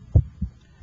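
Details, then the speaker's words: One heartbeat heard through an electronic stethoscope at the apex over the PMI, timed against the radial pulse: a louder first heart sound, then a softer second sound. Normal S1 and S2. "I can hear your first heart sound and I can hear the second heart sound"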